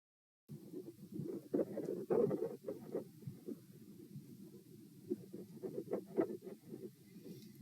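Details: Heart sounds recorded at position P, fast rate of 120 bpm with very quiet periods, swinging between loud thumps and very faint beats: tachycardia with extreme S1/S2 intensity variation.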